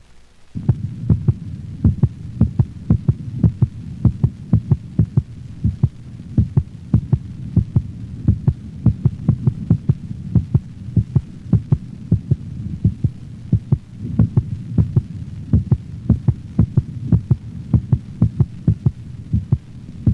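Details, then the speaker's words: Normal heart sounds of a standing dog recorded over the mitral valve region: steady regular lub-dub, first sound lower in frequency than the second, with a constant low hum. "note the lower frequency of the first heart sound as compared with the second heart sound now listen to the sounds of another normal dog recorded over the mitral valve location"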